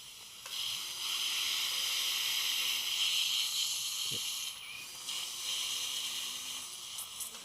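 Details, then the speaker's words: Surgical handpiece drilling small preparation holes in the occlusal ridge surface at the old failed implant site, severely resorbed lower right posterior mandible, vertical ridge augmentation with TR-PTFE membrane; steady high hissing whine with a brief midway pause. "yeah we go and make some preparations in the occlusive surface where the old defect was or where the old implant was"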